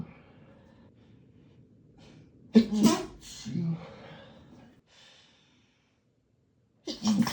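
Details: Male sneezing fit heard through thin hotel walls: sudden explosive sneezes with breathy snorts and sighs in between, quiet room; sneezing.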